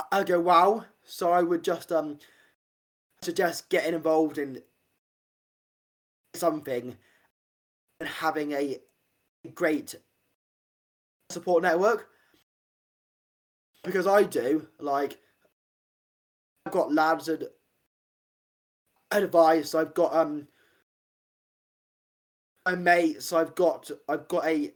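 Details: Adult man, stammer since about age five; stuttering.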